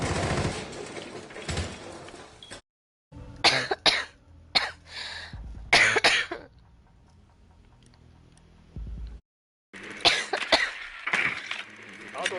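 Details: Girl with a sore throat coughing while gaming: several short, sharp, dry cough bursts in a noisy room with game sounds in the background.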